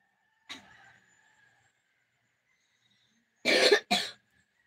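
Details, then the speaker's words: Adult man, the speaker's father, who coughs a lot: two loud, harsh cough bursts close together. It is described as sounding like a normal cough, though he is said to need medical treatment. "It sounds normal cough. He cough a lot."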